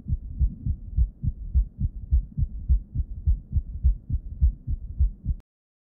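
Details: Patient with heart failure with reduced ejection fraction, stethoscope bell at the cardiac apex: regular low heart sounds with a soft extra late-diastolic thud just before S1, giving a galloping rhythm; S4 gallop, atria contracting against a noncompliant left ventricle.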